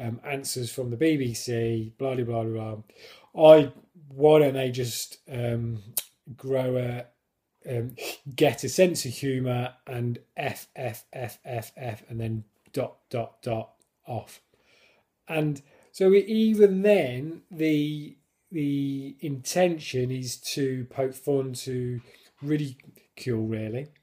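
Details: Stammering in an adult man who controls it with a fluency technique learned on a course and who regards it as a disability.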